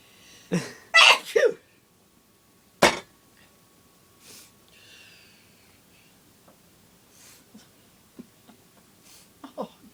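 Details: Grandmother who can't stop sneezing, swearing between bouts: a run of about four sharp, forceful sneezes, followed by quieter breathing and faint sounds; repeated sneezing.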